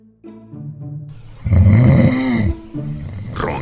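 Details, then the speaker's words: Single loud, rough, low rattling snore over background music, fading; snoring, presented as possibly a symptom of obstructive sleep apnea. "roncar puede ser un síntoma de apnea obstructiva del sueño manda un vídeo con tus ronquidos"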